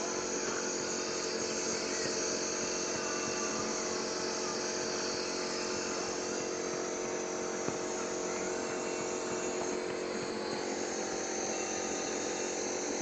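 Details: Steady buzzing, rattling drone with hissing airflow of a nebulizer compressor running during treatment of a young child with a phlegmy cough.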